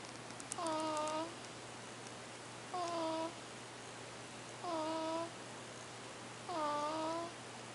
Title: Little bitty tiny baby Bud Bud snoring